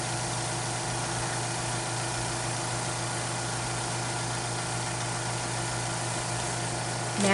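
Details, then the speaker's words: Portable suction machine running during tracheostomy suctioning, with intermittent suction applied for no more than 15 seconds at a time: a steady motor drone with a constant low hum. "inch apply intermittent suction by including the white port catheter with thumb and gently rotate catheter that is it as it is being withdrawn do not suction for more than 15 seconds at a time"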